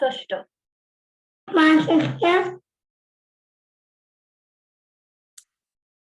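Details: Child with cleft palate, sample two used in a teaching module; noisy, turbulent nasal rustle on s and sh; posterior nasal fricative (nasal rustle).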